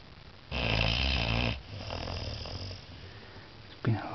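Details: 14-week-old Saint Bernard puppy, sleeping after a long day of play, gives a loud rough inhaled snore lasting about a second, then quieter breathing noise; snoring.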